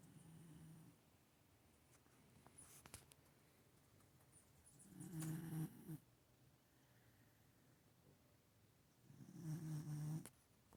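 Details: Low rumbling snores, two clear ones about four seconds apart, in a quiet room with faint clicks between them; ordinary snoring.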